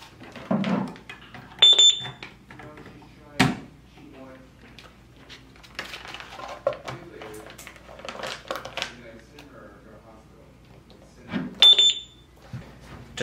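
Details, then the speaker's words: Defibtech LifeLine View AED self-test when the battery is inserted: sharp electronic alert beeps with voice prompts "performing battery test… battery okay… pads missing… powering off"; normal start-up tones with no pads connected. "performing battery test upon insertion of the battery the device will perform a self-test battery okay pads missing powering off"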